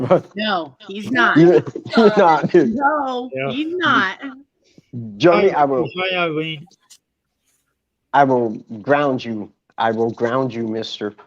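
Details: Adult speaker; normal speech.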